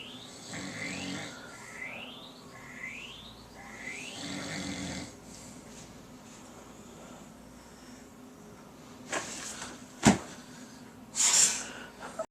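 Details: Repeated rough, rattling snores with a few louder snorts and sharp noises near the end from a sleeping adult man: snoring during sleep.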